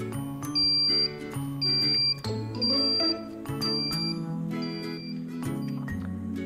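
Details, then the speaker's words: PLS ECMO circuit priming demonstration for ICU staff: repeated high electronic alarm tones, about one a second, over music as the console is switched on after attaching the circuit, before the alarms are silenced. "now the assistant should switch on the console press the clamp button and silence the alarms"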